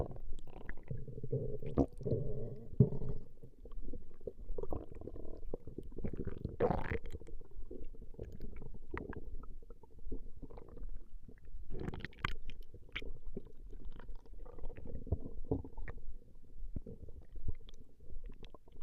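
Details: Female's stomach growling recorded over a 20-minute session: continuous low rumbling and gurgling from the belly with soft bubbling bursts, ordinary borborygmi.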